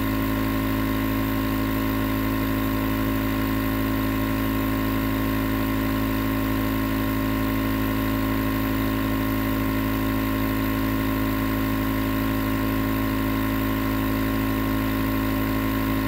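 Continuous motor hum with a buzzing rattle and background hiss, unchanged over the clip: a nebulizer compressor running.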